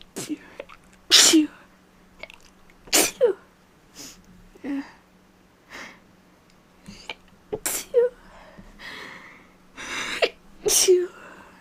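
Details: Allergic sneezing, more rapid than normal; the sneezer suspects they are getting sick. Several sharp sneezes in a row, some with quick intakes before them.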